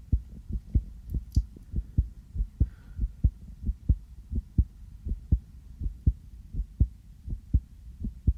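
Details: Person's own heartbeat heard through a sensitive stethoscope just after coming in from outside, noted as beating fast: normal heart sounds.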